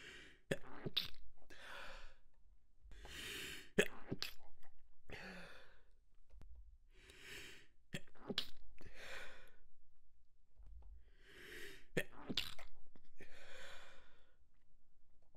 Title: Small Sneeze and Stifle Fit with Noseblow